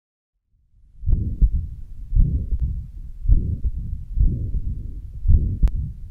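Regular heart sounds about 55 a minute, each followed by a long rumbling murmur through systole and diastole, consistent with mixed mitral stenosis and regurgitation.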